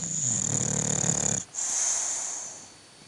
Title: Snoring Bulldog - chrapiący pies